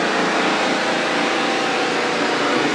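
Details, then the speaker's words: Small air compressor being switched on to power a portable dental unit at a field dental clinic in Bolivia, giving a steady, loud mechanical hum and hiss. "basically you just turn the air compressor"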